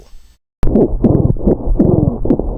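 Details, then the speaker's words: Rhonchi: a rough, harsh sound like scraping during inspiration, more often heard in expiration, over central airways such as the interscapulovertebral region or manubrium, often caused by thick secretions adhering to bronchial walls. "os roncos são mais comuns de serem auscultados nas vias aéreas centrais como por exemplo na região Inter escápulo vertebral como por exemplo em cima do manúbrio"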